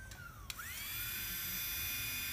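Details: Medical pedicure for onychomycosis, a fungal toenail: a click, then a high whine rising quickly to a steady pitch as a pedal-operated nail drill with a carbide cylinder bur spins up.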